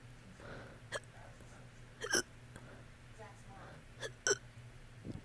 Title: help lmfaoo #funny #hiccups #hiccupburps